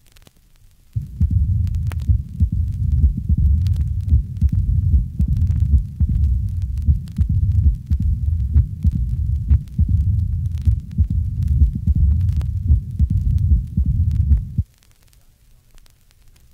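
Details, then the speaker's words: Mitral stenosis with atrial fibrillation: loud, sharp first heart sound and a prominent opening snap, followed by a diastolic murmur that begins with the snap and ends in late diastole, with no presystolic accentuation. "the diastolic murmur begins with the opening snap ending in late diastole the first heart sound is loud and sharp and an opening snap is prominent listen to a recording of mitral stenosis with atrial fibrillation"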